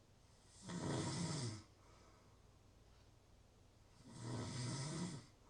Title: Natural Snoring Sounds- Real Snoring, Ambient Sounds.